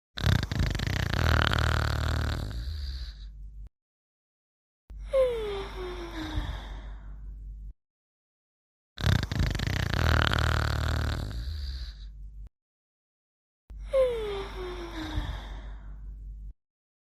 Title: Sleeping and Snoring in 35 seconds